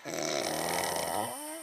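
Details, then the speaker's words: Warthog sound asleep, snoring: one short, rough, fluttering snore as the animal breathes in. "his own environment, we have the warthog, sound asleep, blissfully unaware of his surroundings."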